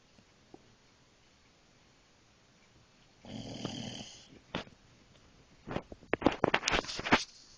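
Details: Dog snoring loudly, described as snoring like a truck: rough rattling inhale followed by a run of irregular snorting bursts.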